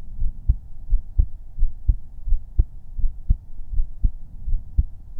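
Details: Heartbeat-only ASMR recording from a livestream, captured with a 3Dio binaural microphone, no talking: steady, regular paired low thumps at about 84 beats a minute over a quiet hum.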